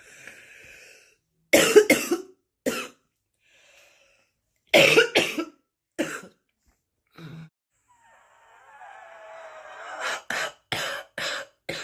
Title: bad smokers cough